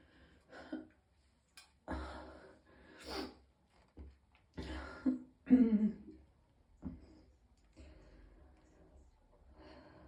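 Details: Strained coughs, throaty retching noises and heavy gasping breaths from a person in extreme pain who vomited several times; coughing bout with retching.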